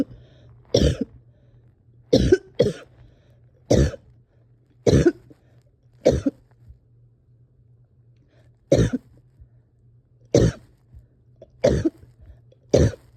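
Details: Adult having a hard time resting or getting comfortable, coughing with some breathing struggles: eleven short, harsh coughs, some in quick pairs, over about thirteen seconds in a quiet room with a low hum.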